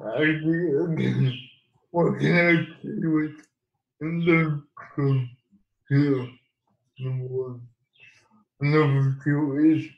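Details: Adult man living with cerebral palsy, speaking in an interview; dysarthria (cerebral palsy).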